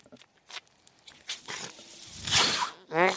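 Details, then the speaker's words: The speaker's own mechanical ventilator during podcast speech: soft clicks and a rushing hiss of delivered air between spoken phrases, then a voice begins; mechanical ventilator sound. "Hello, everyone. My name is. That noise you're hearing is my ventilator."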